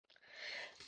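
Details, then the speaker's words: Adult man sneezes discreetly in the background of a home recording: a soft lead-in breath, then a short, muffled hissing burst of air. "Alors je suppose que vous l'avez entendu, hein? Le monsieur a éternué. Discrètement, comme à son habitude."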